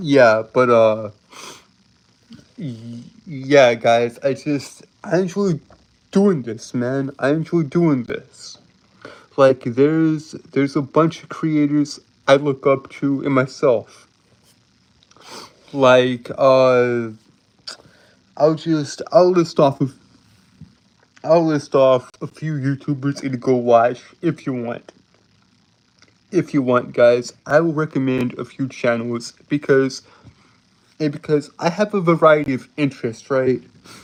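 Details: Male streamer who reports a speech impediment that makes him stutter and trip over his words; repeated phrases are audible; stuttering.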